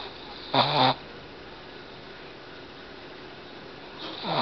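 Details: Betty, a Boston Terrier, snoring as she fights off a nap: a short, loud, rough snore with the next beginning at the end, low room noise between.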